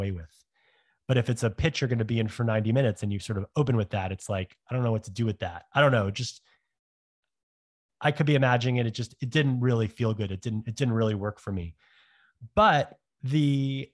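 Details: Adult man who has stuttered since growing up, interviewed on a stuttering podcast; stuttering.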